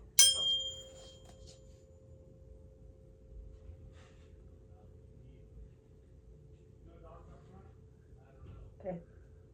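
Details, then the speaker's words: Rinne test in a class exam video: struck tuning fork rings as a steady fading tone, placed on mastoid bone behind the ear then moved in front of ear canal until no longer heard; air conduction 2:1 over bone conduction. "I'm going to place the tuning fork on your mastoid process on your bone behind your ear and you're going to tell me when you can no longer hear the sound"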